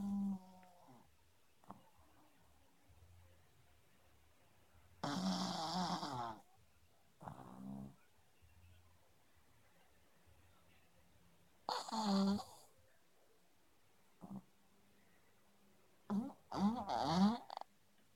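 Loud, rough snorts recur irregularly between quiet breaths, about four in the recording: snoring from a sleeping flat-faced dog.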